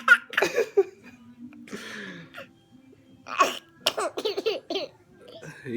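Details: A young child gives a few sharp, breathy sneezes while with her father, then breaks into a run of giggly laughter; ordinary sneezing.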